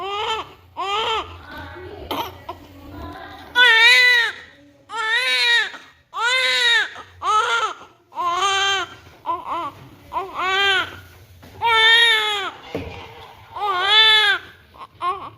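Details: Loud, rhythmic bursts of crying with a clear, strong voice and brief gasping breaths between, a vigorous healthy cry from a newborn girl as vernix cleaning begins.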